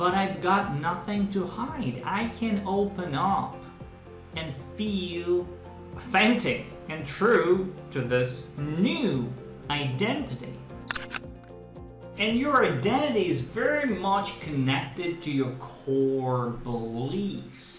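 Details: Adult man who stutters, speaking with "training speech" learned in fluency-shaping speech therapy for stuttering: stuttering (controlled fluency-shaping speech).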